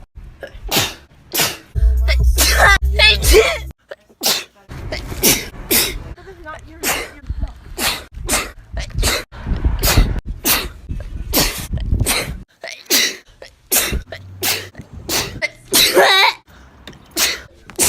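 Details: Girl's own sneezes, recorded over about a year and compiled: a rapid run of repeated sharp, explosive sneezes with brief pauses, over faint background music; repeated sneezing.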